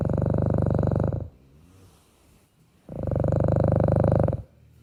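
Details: Two long, low, buzzing, fluttering snore breaths about three seconds apart, with quiet exhalation between them; snoring during sleep.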